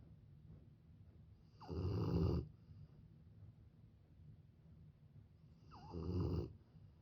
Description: Double the snores, double the cuteness! 🐶💤🐾 This mama dog and her puppy fall asleep side by side, snoring perfectly in sync.